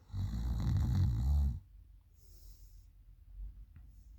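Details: Girl snoring loudly at night: a single loud, deep, rattling snore on the in-breath, followed by quiet breathing.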